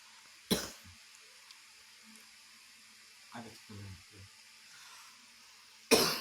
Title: batuk batuk padahal besok puasa